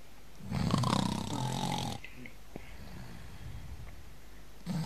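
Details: Loud snoring from the snorer that the dog Foopsie is trying to sleep on.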